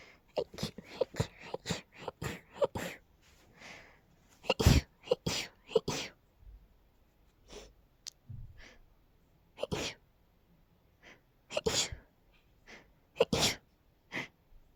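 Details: Girl's rapid sneezing fit, attributed to pollen: rapid run of many short, high-pitched sneezes and sniffs in quick succession.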